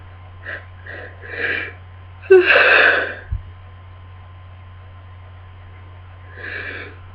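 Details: Several quick catching in-breaths build to a loud sneeze, then another build-up, with a steady background hum: a sneezing fit during a miserable cold.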